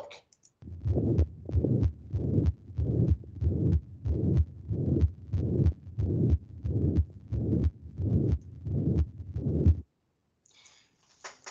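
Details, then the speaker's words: Regular heartbeat near 94 a minute, each systole filled by a steady plateau murmur from first to second sound with quiet diastole: holosystolic murmur at the apex, mitral regurgitation in a patient with endocarditis, tender nodules and Janeway lesions. "and he has a heart murmur whole systolic heart murmur so what do we think the underlying diagnosis is here probably endocarditis"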